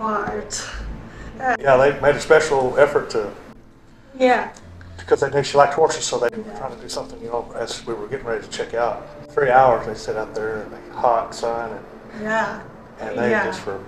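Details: Adult man speaking; typical speech.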